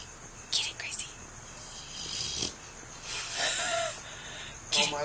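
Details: Sleeping dog snoring: soft, irregular snorting breaths with light whistly noise over a hissing background.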